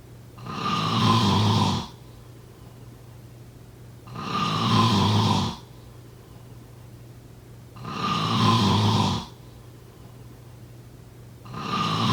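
Loud, rough snores on each breath in, about 16 a minute, with quiet breathing out between: regular snoring.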